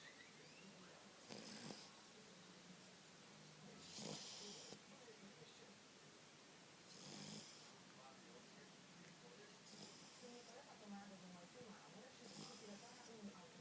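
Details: Snuffling snores repeating every few seconds, somewhat irregular, over background noise from a Shar-Pei dog; snoring.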